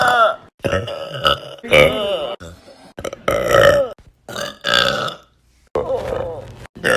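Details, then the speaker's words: Woman letting out several loud, drawn-out voiced belches one after another with brief pauses between, saying she normally can't burp and it's a slow process; burping. "Lovely burp that once, because I can't burp. It's a slow process."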